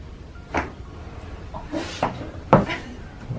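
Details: Chiropractic neck adjustment near the ears after deep breathing: a few brief sharp pops with faint rustling, joint cavitation.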